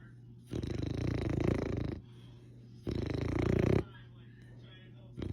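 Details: Loud, rough, rattling snores on two long breaths with quiet pauses between, from a resting Olde English Bulldogge napping; snoring.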